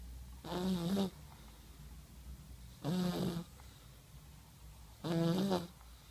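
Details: 1-year-old child snoring while asleep at night: regular, voiced, buzzy snores about every two seconds against quiet room noise.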